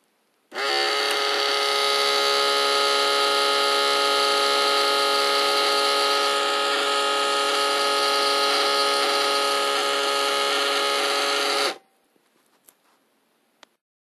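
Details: Recorded sound effect of an automatic blood pressure monitor: a steady motor whine with fast pulsing for about eleven seconds as the pump inflates the cuff, then it stops.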